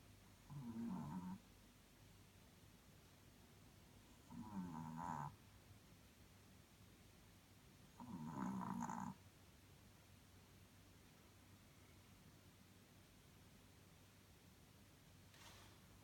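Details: Jake, a small dog, snoring: three soft, rough snores on the in-breath about 4 seconds apart, over quiet room hum.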